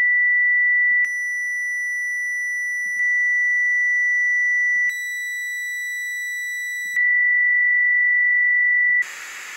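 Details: Simulated tonal tinnitus from an online tinnitus-matching tool: a steady high-pitched pure tone with small stepwise loudness changes and added overtones.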